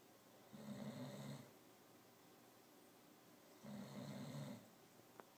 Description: This cat can sure make a lot of noise!!!